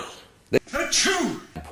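One sharp throat-clearing burst, followed by a short voiced grunt. Ordinary throat clearing.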